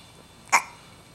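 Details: A single sharp hiccup from a baby girl against quiet room noise; baby hiccups.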